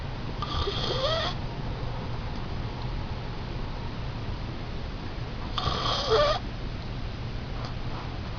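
Two rough, rattling breath sounds several seconds apart over steady low hum; snoring.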